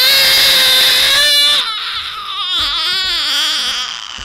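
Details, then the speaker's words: Infant pain cry recorded during a vaccination session, in a study that also recorded the same babies at bath time; babies aged 2–3 (units unclear). "Et on a enregistré des bébés au bain et aussi donc les mêmes bébés pendant des séances de vaccination."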